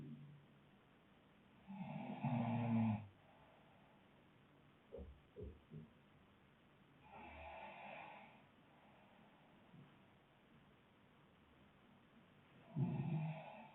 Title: snoring couple